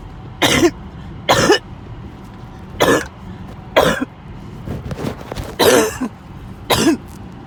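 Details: Six harsh, separate coughs over several seconds with short pauses, the end of a 20-minute coughing spell.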